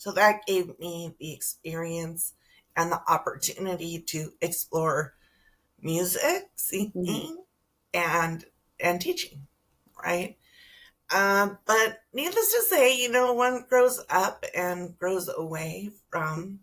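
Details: Adult female teacher with spasmodic dysphonia, which began with stress in her first year of teaching and took two years to diagnose; no cure, treated with Botox injections every few months, recorded at the end of her three-month Botox cycle; spasmodic dysphonia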